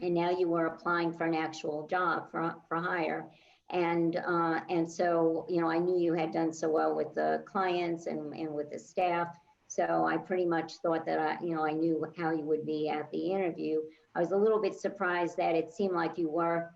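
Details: Adult woman speaking; no speech disorder.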